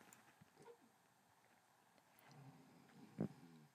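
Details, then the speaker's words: Pet cat snoring in the background of a lecture: faint low rumbling breaths from the sleeping cat with one louder snort near the end, in a quiet room. "know if you can hear my cats snoring in the background that's what that is"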